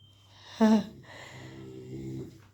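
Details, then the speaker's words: Pet dog sleeping and snoring at home: a short snort, then a drawn-out, rattling breath with a low buzzing tone. "Brugge এখানে শুয়ে ঘুমচ্ছে। নাক ডাকছে শুনতে পাচ্ছো"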